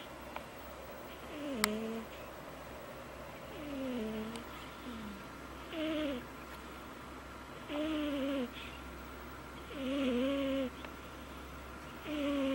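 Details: Loud snoring from a sleeping cat, rhythmic breaths with squeaky, whistling tones on each breath and softer rasping between them.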